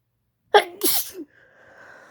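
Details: Female with a pollen-itchy nose, sneeze deliberately induced: a single forceful sneeze, a sharp voiced intake followed by an explosive airy burst; allergic sneezing.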